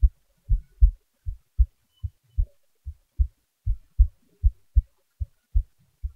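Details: Normal heart sounds: a self-recorded heartbeat of the person recording, at a resting (not fast) rate.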